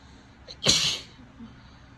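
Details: Female with a tickly, sneezy nose from cold weather: a soft intake of breath, then one sharp, hissing sneeze in a quiet room; sneezing.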